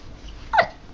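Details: Infant boy almost 3 months old: a single short, sharp catch of breath, a hiccup.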